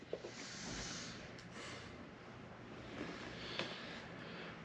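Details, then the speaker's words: Soft steady hiss of escaping air with brief puffs from a ResMed AirSense 10 CPAP with a nasal mask at first start-up; a lot of leak noise means the mask needs adjusting or tightening; CPAP mask air leak. "if you're hearing a lot of air leaking noise like that something's not right adjust your mask tighten it up"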